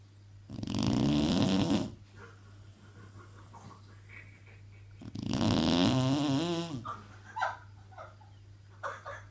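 Dog snoring: two long, rumbling, buzzy inspiratory snores with quiet breaths between, over a low steady hum.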